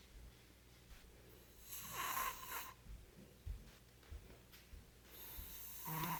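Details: The speaker's brother snoring in his sleep; the speaker jokes he needs a CPAP machine. Quiet breathing broken by harsh, raspy snores, with soft thumps and room noise between.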